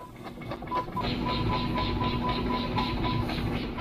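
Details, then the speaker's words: Guinea pig's heartbeat made audible by a Doppler monitor during a tooth trim procedure for an overgrown premolar: fast, steady, rhythmic whooshing pulses, roughly 240 a minute. "Again, that rhythmic whooshing sound is Bengal's heartbeat."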